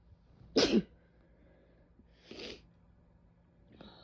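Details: Two sneezes, a loud sharp one followed by a softer one, with quiet background.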